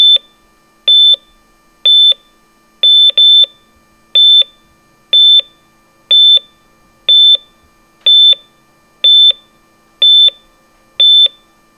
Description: Hospital Heart Monitor Sound Effect in High Quality